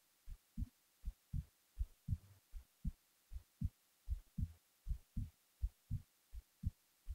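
Steady lub-dub heartbeat, about 80 beats a minute, clear paired thumps in a quiet background.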